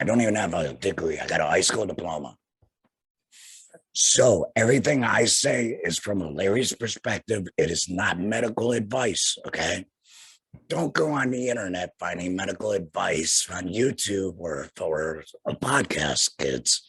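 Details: Male laryngectomee whose larynx was removed after cancer, speaking through a flanged voice prosthesis in the esophagus; tracheoesophageal speech after total laryngectomy.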